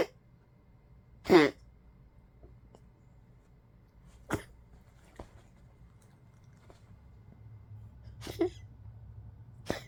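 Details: Old Poodle with tracheal collapse gives several sharp, harsh cough bursts, recorded May 2, 2025.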